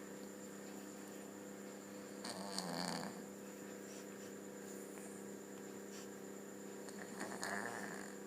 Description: Cat snoring while sleeping..